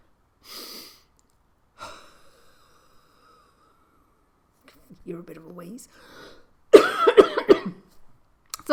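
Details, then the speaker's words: Adult with bronchiectasis and NTM infection doing lung clearance after nebulized saline and oscillating flutter PEP pipe: quiet breaths and huffs, then a burst of wet coughs with faint expiratory whistling wheeze, in a quiet room. "oh and when i breathe out sometimes i cough and so i need to do it a few times until i stop coughing on that breathing out here i go again"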